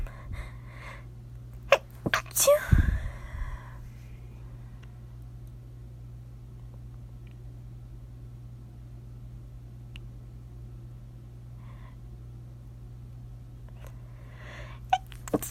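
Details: Several sharp sneezes in quick succession after a tickle while lying in bed at night, then quiet room hum with a faint sneeze near the end; sneezing.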